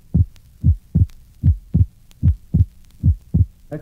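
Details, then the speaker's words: Normal subject at the pulmonic area: physiological splitting of the second heart sound, wide on inspiration and single on expiration; regular heart sounds near 75 per minute, recorded through inspiration and expiration. "listen to a normal subject with splitting of the second heart sound at the pulmonic area you will note that on inspiration splitting is wide and an expiration a single heart sound is heard"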